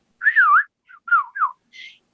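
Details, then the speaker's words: Person with Tourette's and functional neurological disorder (FND) tics, in treatment for FND: brief wavering whistled notes in short bursts with pauses, a whistling vocal tic said not to be coming out properly. "the tick's like all right i can't get out properly i i don't know she's slurring this whistle this time so just forget it"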